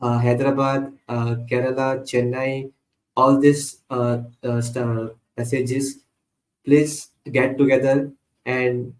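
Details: Adult man who stutters, with repeated phrases heard; stuttering.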